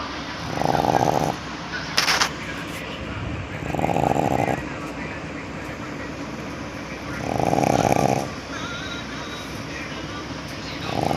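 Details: Snoring from Coco, a dog, while asleep.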